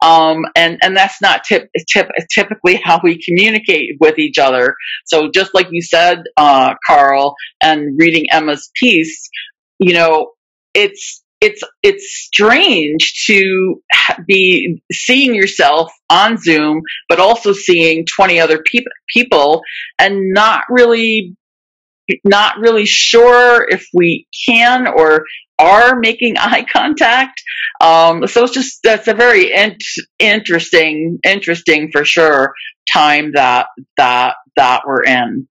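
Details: Real person who stutters, speaking live in a webinar for people who stutter; stuttering.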